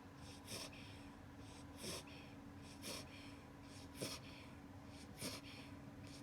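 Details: An 8-week-old beagle puppy asleep in a superman pose gives soft, regular, snuffly snores at about 49 breaths a minute over a low room hum; ordinary puppy snoring.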